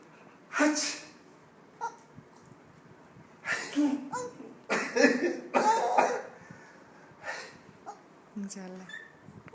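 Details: Grandfather (thatha) sneezing while a child laughs: several abrupt, noisy sneeze bursts from an adult, with the child's laughter in between.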